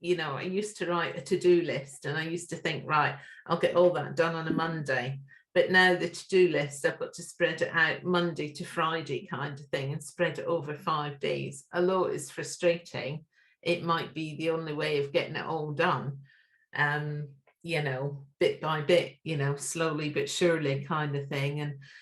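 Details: Adult speaker; normal speech.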